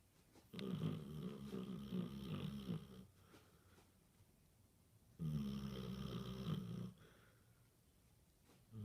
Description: Basset hound snoring while dreaming of rabbits...